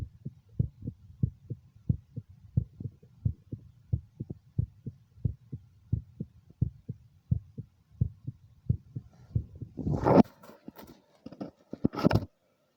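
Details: Own heart recorded by ultrasound (echocardiogram) at the mitral valve: regular paired low heart thumps at about 88 beats a minute, ending in rustling handling noise; heart sounds.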